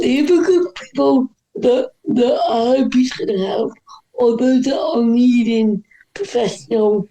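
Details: Dysarthria in a woman whose voice is affected by cerebral palsy.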